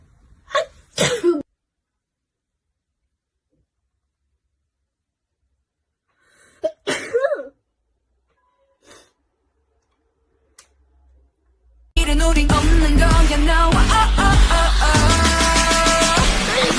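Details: Young Chinese woman sneezing from allergy: two forceful wet sneezes, each preceded by a sharp intake, then quiet, followed by loud music at the end; sneezing.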